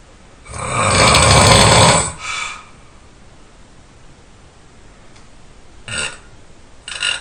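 One very loud, harsh, rattling snore lasting over a second, then quieter breathing with two short snorts.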